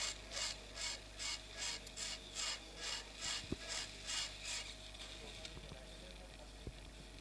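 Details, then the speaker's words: Temporal bone dissection, drilling parallel to the facial nerve's long axis through peripheral air cells; rhythmic high rasping bursts about two per second, fading to a steady hum with faint clicks; otologic drill on temporal bone. "And we have to drill parall to the structure log axis of the facial. But the size of the cells is always bigger at the bite tip."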